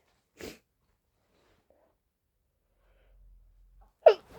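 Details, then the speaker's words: Two sharp sneezes a few seconds apart, the second forceful, with sniffling between, during a sneezing fit in someone who thinks they are getting sick and says these are not allergy sneezes; sneeze. "I don't know why those are so powerful. [snorts] I usually don't have issues. Usually my sneezes are not powerful. Those are for some reason."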